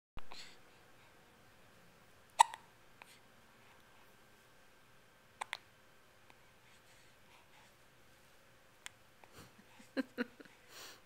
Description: has the hiccups